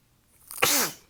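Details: Sneezing fit attributed to allergies, a change in the weather and fatigue, with throat pain from the sneezes: a single sharp, forceful sneeze after a brief indrawn breath.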